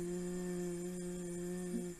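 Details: Patient with a vocal fold polyp producing a sustained 'i' vowel during laryngeal examination.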